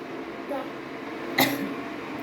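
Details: A single short, sharp cough from a 2.3-year-old child being treated for a cough, against quiet room noise.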